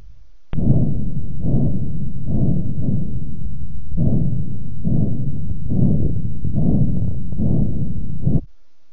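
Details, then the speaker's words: Normal bruit over a hemodialysis arteriovenous access, heard with a stethoscope along the access: a steady low whooshing hum or buzz swelling with each pulse. It should sound the same along the whole access. "you will hear a hum or a buzz that may sound like a whoosh or for some like the beating of a drum the sound should be the same wherever you listen to the AIS here is an example of what a normal AIS should sound"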